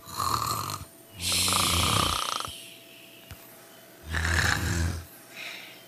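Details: Several sleepers snoring together: irregular snorting, rattling snores and hissy breaths.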